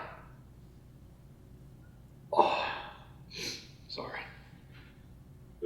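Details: Acted comedy skit: a loud, explosive sneeze with a sharp intake before it, then a few softer breathy sounds. Sneeze.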